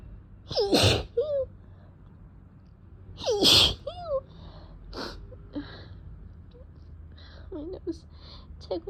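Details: Two loud sneezes about three seconds apart, each followed by a whimpering moan, then small sniffs and sighs; allergic sneezing from cat exposure, with a sore throat and eyes that can barely open.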